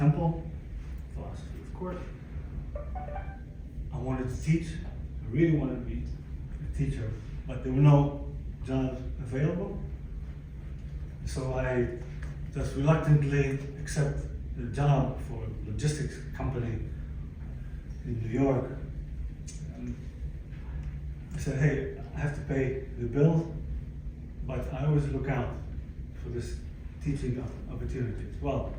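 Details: Aphasia in a 62-year-old man, acquired after a stroke following a cardiac ablation in December 2011; affects language, speech and understanding; previously fluent in several languages.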